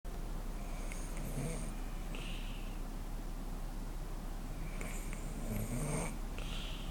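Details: Pet snoring while asleep on the couch: two soft, wheezy snoring breaths over steady low room hum.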